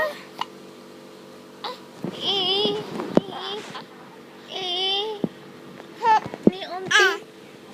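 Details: Two-month-old infant: five sharp, brief hiccup clicks in under eight seconds, with babbling and voice sounds between them in a small room; hiccups.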